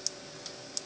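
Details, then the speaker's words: Turning mandibular distractors fitted at 9 days old to correct Pierre Robin in an infant girl: one full turn per distractor, clicking when the turn stops. "you start there one full turn so when you stop just clicks"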